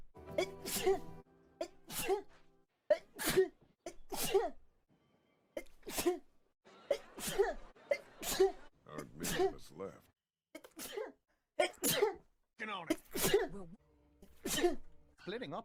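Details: Compilation of a streamer's sneezes taken from game streams: a rapid run of about a dozen short, voiced sneezes edited back to back, with faint music underneath; sneezing.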